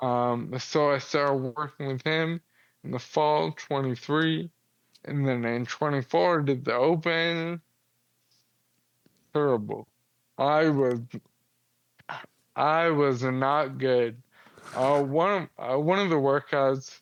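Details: 35-year-old man with Friedreich's ataxia, a progressive inherited neurological disease diagnosed at 19, affecting muscle coordination including jaw and tongue movement, speech problems noticeable since about age 33-34, wheelchair user; ataxic dysarthria.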